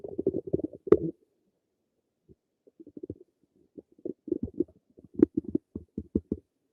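Bursts of gurgling and bubbling from the belly, with a short quiet spell in between. Ordinary stomach rumbling.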